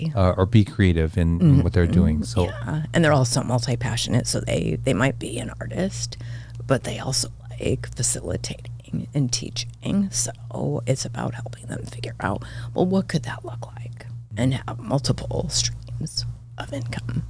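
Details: Adult woman with spasmodic dysphonia diagnosed this year, involving vocal cord spasms; she attributes it partly to voice overuse from podcast hosting and to stress, and it is occurring during this real recorded interview: spasmodic dysphonia.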